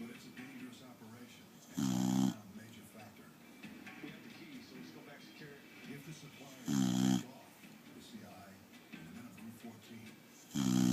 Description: My 8yr old boxer dead asleep snoring on my chest.